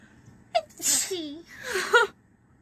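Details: A female sneezing: a sharp intake, then a forceful hissing burst and a second voiced burst, said to sound like an older man's ("ajassi") sneeze.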